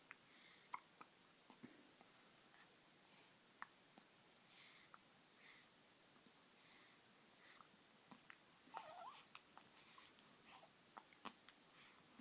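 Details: Hiccups: repeated small hiccup clicks with soft breathing and faint babble in a quiet room; hiccups.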